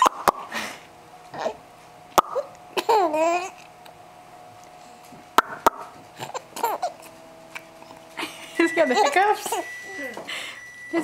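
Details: Baby giggling while he hiccups: sharp, abrupt hiccup clicks recur irregularly between bursts of giggling, with adult voices in the background.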